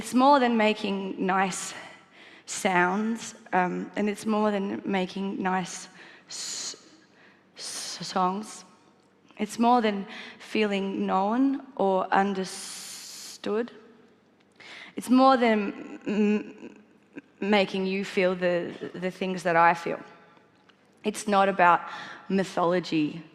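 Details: Stuttering in an adult woman, a singer-songwriter, who has stuttered since childhood; she copes by changing words at the last minute and by singing.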